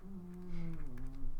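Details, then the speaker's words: Sleeping cat snoring quite loudly: a low, steady, humming rumble over one breath, with faint room noise. "can you hear my cat snoring that is the question oh my gosh quite loud"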